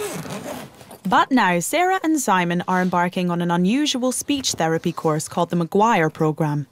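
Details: Adult narrator; plain speech.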